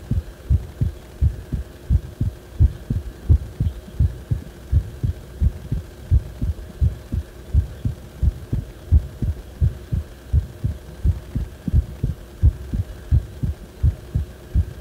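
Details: Heart sounds recorded when the heart felt like it was acting abnormally: steady low heartbeat thumps at about 86 a minute over a constant background hum.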